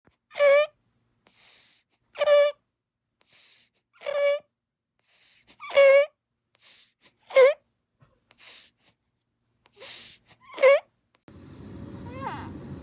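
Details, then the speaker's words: Infant with spina bifida making loud, high-pitched crowing on each breath in: inspiratory stridor. This symptom led to hospital re-evaluation of his breathing, which involved Chiari II and an NG tube. "What you just saw and heard was a couple examples of our son experiencing stridor. It's a breathing condition, and it was one of the symptoms that led us to believe that we needed to take him back to the hospital at U of M to find out what was going on."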